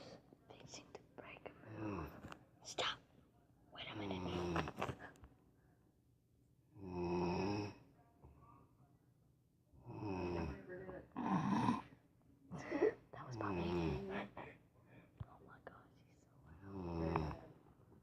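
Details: Hog snoring: irregular rattling, grunting breaths in bursts with quiet pauses, consistent with an animal snoring in sleep.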